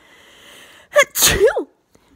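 A quick catching breath, then one sharp voiced sneeze, part of a morning sneezing fit.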